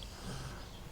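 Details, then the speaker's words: Big chocolate Labrador asleep nearby, tired after a big day: snoring sound in the background. "now apologies if you can hear a snoring sound there is a big chocolate Labrador"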